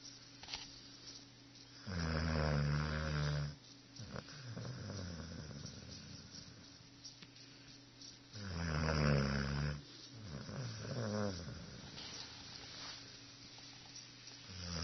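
Two long, low rattling snores on inhaling, about seven seconds apart, with quieter breathing in between; snoring in a sleeping dog.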